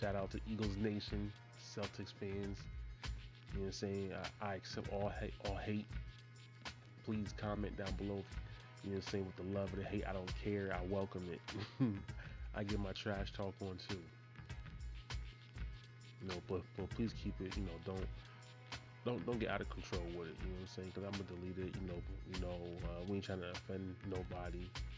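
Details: Adult male who has stuttered since he was a little kid and still does; stuttering.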